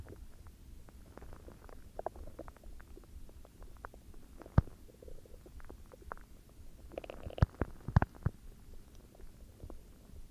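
Low gurgling rumbles with scattered squelches and pops, louder bursts near the end; ordinary stomach growling.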